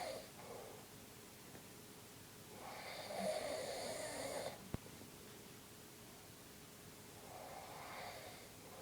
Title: Snoring Dad